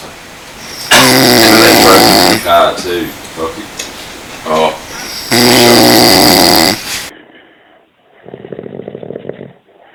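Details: Snore-off: two long, loud, harsh snores with laughter and voices between them and a rougher snore at the end; snoring, likely put on.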